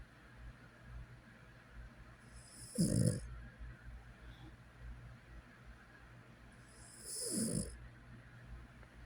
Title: Softly snoring